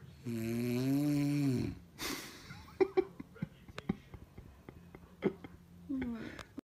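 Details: Long, loud, low rattling snore on a drawn-in breath, then quieter breathing with small clicks and mouth noises, from a sleeping mother; snoring.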